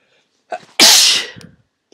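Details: A quick breath in, then one loud, wet, hissing sneeze into tissues during a head cold with swollen sinuses; some sneezes in the series were deliberately induced.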